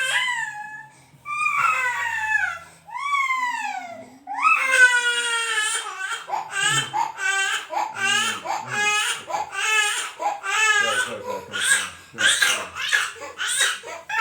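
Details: An infant cries in strained, rising wails breaking into short choppy bursts, likely coughing from hard crying; described as usual and not a worry for parents.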